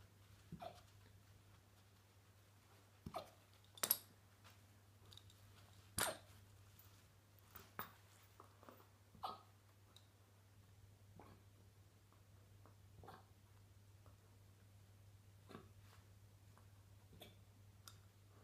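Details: Fluffy husky puppy with floppy ears hiccuping: soft, brief, jerky clicks repeating irregularly, roughly a dozen over 18 seconds, against a steady low hum.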